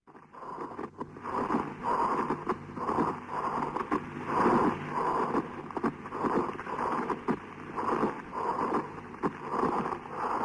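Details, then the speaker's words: Lung auscultation with a stethoscope, pleural friction rub with a second variant shown: rhythmic, intermittent creaking, grating sounds with each breath phase from roughened pleural layers. "шум трения плевры возникает при наличии неровностей шероховатости плевральных листков и сохраненный их подвижности друг относительно друга"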